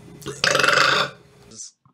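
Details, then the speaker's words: Male YouTuber in a burping compilation: a single loud, rough burp of about two-thirds of a second, then "sorry I burped"; normal burp (eructation). "hopefully you guys can relate to it as well sorry I burped kind of thing"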